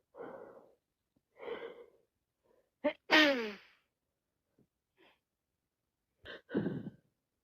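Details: Wet sneezing and sniffles from a cold, with more sneezing after 3 minutes; breathy sniffles, then one loud explosive sneeze with a falling voiced tail and a smaller burst later.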